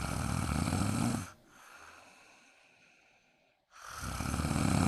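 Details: Woman snoring during a daytime nap, who asks whether she needs a CPAP mask: two loud, rough, rattling snores with a quiet pause between.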